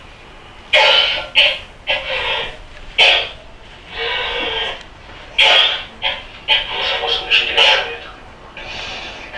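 Runs of harsh, rapid coughs broken by long, drawn-out noisy breaths in between: a coughing paroxysm of whooping cough in an adult.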